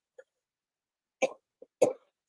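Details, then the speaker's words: Adult's lingering cough, now much better: two short, dry cough bursts with a faint throat sound between them; the voice is also much improved. "Excuse me, I still got that cough, but it's way better."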